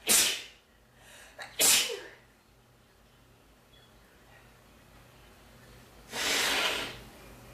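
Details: Male sneezing: two sharp, explosive sneezes close together, then a longer blowing burst like nose blowing, in a quiet room.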